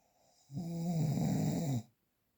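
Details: Real unprocessed recording of snoring: a single low, rumbling, tonal snore lasting a little over a second, with a faint hiss in the background; typical snoring.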